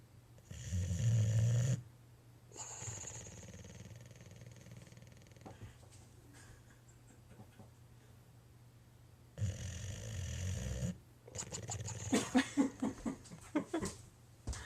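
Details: Sleeping boxer dog: loud, low, rattling snores with quieter snuffling and soft vocal noises between; the owner thinks it is bark air escaping, as it usually comes just before he barks. Dog snoring.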